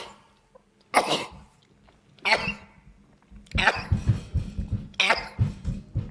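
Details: Boy sneezing, from a compilation: four sharp explosive bursts, each a quick inhale then a forceful blast of air, with rustling between; repeated sneezing.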